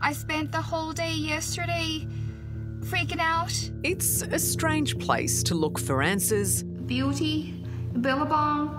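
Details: Foreign accent syndrome in a 28-year-old Australian woman, with sudden onset 10 days after a tonsillectomy; fMRI showed abnormal over-firing in language networks.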